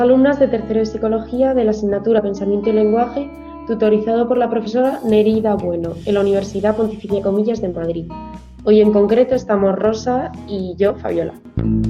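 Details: Adult woman speaking Spanish; normal speech.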